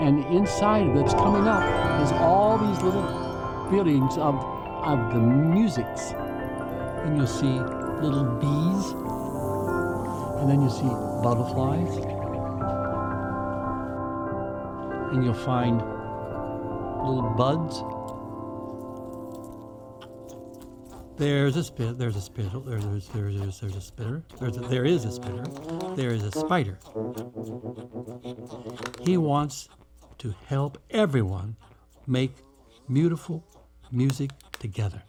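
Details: Narrator with aphasia, likely after stroke or other traumatic brain injury, with word substitutions heard over background music; aphasia.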